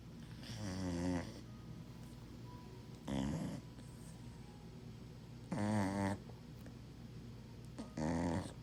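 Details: Sleeping dog snoring: four low, rattling snores in a quiet room, each on an in-breath, a few seconds apart; ordinary snoring.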